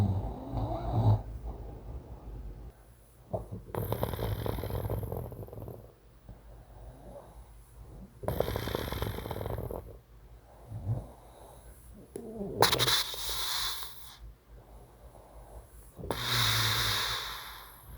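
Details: Loud breathing and snoring persisting in a man using CPAP, recorded by his partner after polysomnography showed severe sleep apnea (about 70 apneas per hour, prescription threshold 15). Residual snoring on CPAP.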